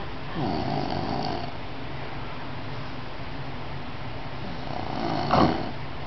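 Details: The recorder's nephew asleep: low, rattling snores on two breaths about five seconds apart, the second ending in a louder snort; snoring.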